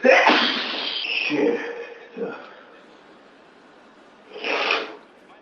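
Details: Sudden long sneeze attack with The Big Bang Theory playing on TV in the background: a sharp burst with a catch of breath, then a second forceful sneeze seconds later; repeated sneezing.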